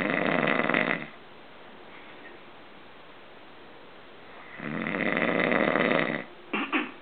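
Harsh, buzzing snores repeating on the breaths, separated by a quiet gap of several seconds. Ordinary snoring.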